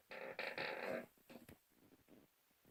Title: snoring